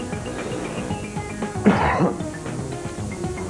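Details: Adult man's single huge cough on live TV.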